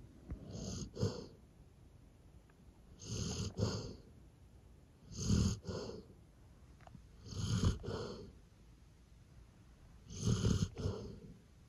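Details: Sleeping golden retriever snoring: five rhythmic, rumbling snores, each with a double-pulsed rattle, roughly 25 breaths a minute over quiet room noise.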